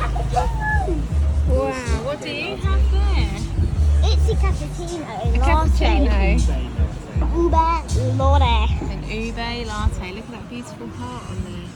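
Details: Adult speakers in conversation; ordinary speech.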